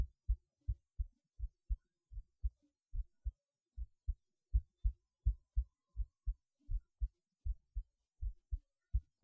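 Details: Heartbeat recorded through a cheap acoustic stethoscope: regular paired low thumps at about 83 beats a minute.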